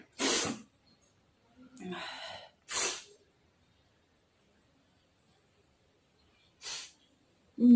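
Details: Two forceful sneezes with a gasping in-breath between, then a quieter sniff, from a woman deliberately tickling inside her nose with cotton.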